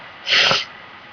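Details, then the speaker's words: A single sharp, hissing sneeze from an adult with bad allergies. "I messed up because am I sneezing but I'm sorry"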